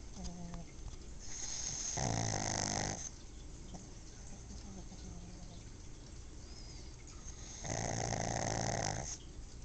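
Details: Pug sleeping with her eyes open, snoring loudly as she does only when really tired: two long, loud rattling inspiratory snores with rough fluttering quality, separated by quieter breathing: snoring.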